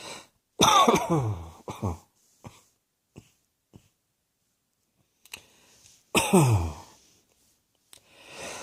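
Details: Two deep, throaty coughs with a few small clearing sounds between them; cough.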